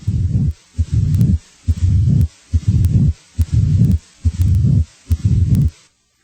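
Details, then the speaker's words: Late diastolic (presystolic) murmur of mitral stenosis: regular heartbeat about 70 a minute with a low rumbling murmur starting late in diastole and continuing up to S1. "a late diastolic murmur as heard with mitral stenosis starts late in diastole and typically continues up to s-1"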